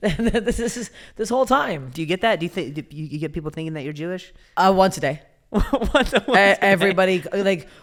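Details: Adult man who stutters, speaking in conversation; stuttering.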